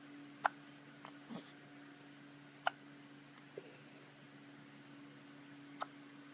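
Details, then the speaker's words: Hiccups: brief sharp gulping hiccups, three or four over six seconds against quiet room hum. "I got the hiccup."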